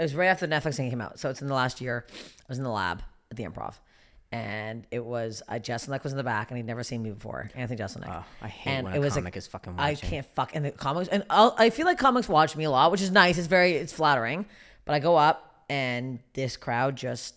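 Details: Adult woman speaking; Ordinary speech.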